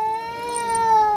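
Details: Baby crying after a kitten's paw swipe: one sustained, clear, high-pitched wail; infant cry.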